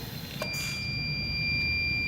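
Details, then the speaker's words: Steady high electronic alarm tone over low hum from a BIOROHM VitalSave RES1441 transport ventilator: overpressure alarm as flow and peak inspiratory pressure are raised in a demonstration; the limit could be set to 30 to avoid it. "una alarma de sobrepresión esta alarma de sobrepresión es la presión que indica acá que es como una alarma que tiene este modo y que nosotros para evitar esa alarma tendríamos que subirla y ponerla por ejemplo en 30"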